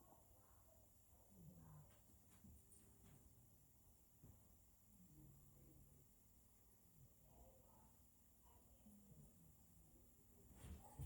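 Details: Maine Coon cat, sleeping: soft, low rumbling and snorting breaths over quiet room noise; gentle snoring.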